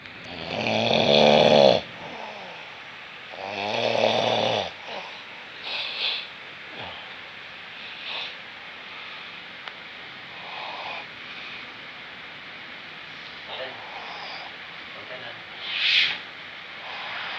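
Two loud rattling snores early on, then quieter irregular breathing noises and one more snore near the end; ordinary snoring with some room noise.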